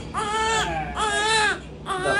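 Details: Loud, high-pitched infant cry in three tonal, sustained bursts with brief pauses for breath; a paediatrician suggests the baby is hungry, was kept in the heat, and will get stomach-pain medicine: infant crying.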